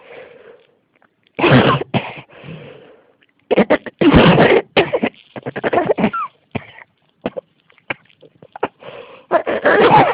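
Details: Persistent cough: repeated harsh coughs in a run of bursts over about ten seconds, with gasping breaths between them.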